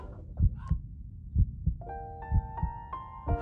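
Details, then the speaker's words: Pet (Xiaoyu, owner checking how many babies) pregnancy ultrasound scan showing the fetal head and movement: rhythmic whooshing Doppler thumps of a fetal heartbeat with background music. "你看这个声音，那是小玉小宝宝的心跳。"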